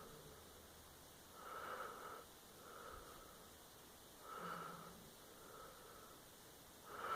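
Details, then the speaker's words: Pet dog sleeping under a blanket, snoring loudly: soft, regular nasal snores at about 23 breaths a minute with a faint whistling tone on each breath. "You can hear Nana snowing. Is she adorable? I love her cute snoring."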